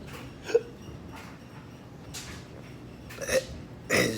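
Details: Persistent hiccups lasting 1 year 8 months in an adult with acid/heartburn, fatigue, poor sleep, weight down to 149 lb and back spasms; a few short, sharp hiccups with quiet gaps, with a clothes dryer in the background.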